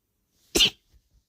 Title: my cute sneezes